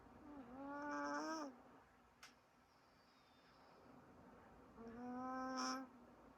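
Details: Sleeping cat snoring, which the vet was not concerned about: two drawn-out, whistly, tonal snores about four seconds apart with quiet pauses.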